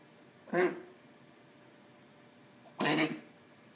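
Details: A cat coughing: two short, harsh coughs separated by a couple of seconds of quiet.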